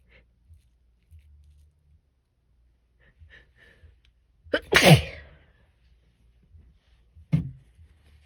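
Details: Sneeze during an attempt at holding back sneezes, provoked with a Q-tip and held back with a finger under the nose: quiet sniffs and soft breaths, then one loud explosive sneeze and a smaller second burst.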